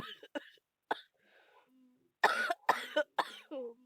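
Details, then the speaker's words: Unwell child with a bad cough and cold again, hoarse voice: a few short, harsh coughs with throat clearing and groaning between them. "I feel terrible. I'm sorry guys, but I feel so ill. You might not know why I'm like this. It's because I still have the bad cough and colds again."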